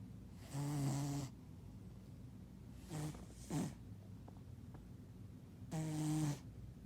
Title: Cutest cat snoring